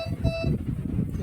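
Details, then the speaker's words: Dräger Fabius Plus anaesthesia machine switched on during a demo, after the expiratory flow sensor is removed for calibration: a short electronic beep over low room rumble and voices; power-on beep. "आता आपण चालू करायची का machine >> हो >> हे इथून चालू करू"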